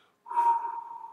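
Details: A single whistling, breathy blown sound, a person's vocal imitation of lung sounds as heard through a digital stethoscope (ADC Adscope 657 review).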